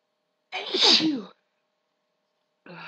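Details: Female letting out big sneezes after trying to stifle them: one loud, explosive sneeze with a sharp hissing burst, then silence and the start of another.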